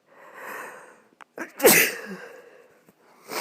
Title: 2 itchy sneezes and a snotty blow